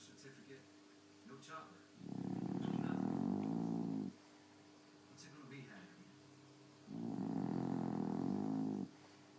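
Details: Snoring female dog asleep: two long, rattling, fluttering snores about five seconds apart with quiet pauses between.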